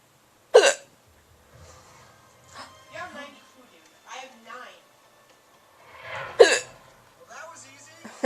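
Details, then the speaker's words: Two sharp, abrupt hiccups about six seconds apart over background game audio and talk, part of a bout of repeated hiccups lasting about 11 minutes. "I know these hiccups are annoying."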